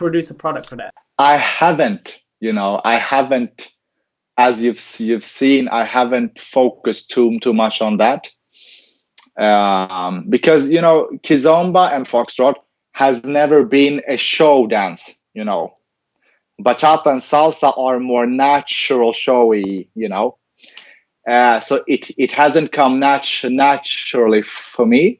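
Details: Adult male who stutters, has had speech and language pathologist therapy since age ten and later trained as a speech-language pathologist himself; real stuttering heard in interview speech; finding: stuttering.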